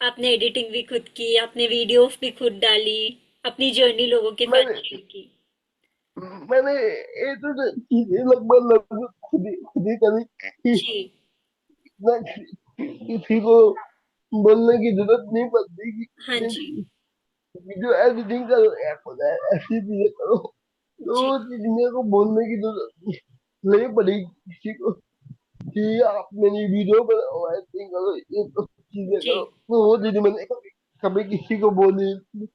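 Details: Young adult man with cerebral palsy diagnosed at age 2, who could not speak as a child and reports that speaking still takes double effort and is unclear; dysarthria due to cerebral palsy.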